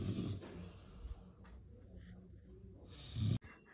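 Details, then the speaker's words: Father's snoring during sleep: low rumbling snores at the start and near the end, with quieter noisy breathing between. "এ দেখো কত আদা, মানে বাবার নাক ডাকার শব্দ শোনো।"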